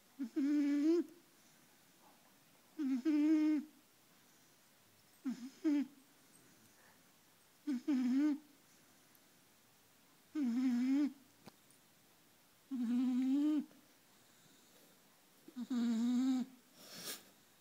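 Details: 4-month-old puppy in deep sleep snoring: regular whistling, humming snores about 24 a minute, each a short tonal buzz on the breath, in a quiet room.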